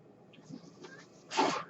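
Faint room noise, then a brief whooshing puff of air near the end: the cycling airflow of a mechanical ventilator.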